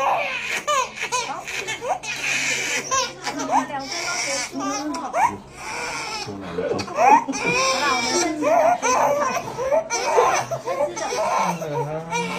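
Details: Newborn crying in sharp bursts after an intramuscular vaccination injection in the hip given soon after birth, adults talking nearby in a small room: infant pain cry.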